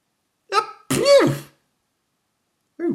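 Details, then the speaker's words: Simulated sneeze by the animated character Mr Sneeze in a cartoon parody: a voiced intake followed by one loud, drawn-out acted sneeze. "dear that was a nasty sneeze oh Mr sneeze you seem to have a bit of um dangling from your um oh dear why don't you wipe your nose Mr sneeze"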